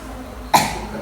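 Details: A single sharp, forceful voluntary cough from an adult woman patient, following a nurse's breathing cues, during an effective coughing technique demonstration to bring up sputum.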